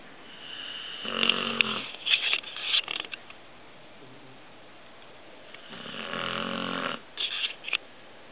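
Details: 10-month-old American Bulldog snoring while asleep: two long, loud, rattling snores on the in-breath, each ending in snorting snuffles, with quiet pauses between.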